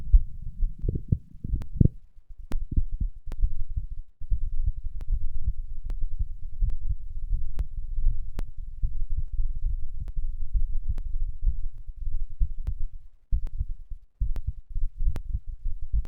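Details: Heart sounds recorded after exercise (third such recording): rapid, steady, deep thumping heartbeat under low rumbling noise; normal heart sounds after exercise.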